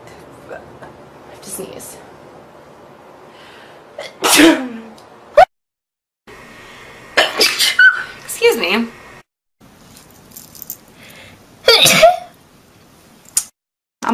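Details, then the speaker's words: A series of sharp, explosive sneezes from different people, some with a brief inhaled lead-in, separated by quiet room noise; sneezing. "I have to sneeze."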